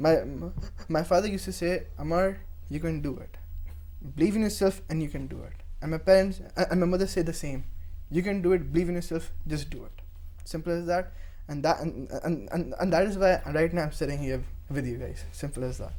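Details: Stuttering (stammering) in a young male member of a stammering association; he also reports dyslexia.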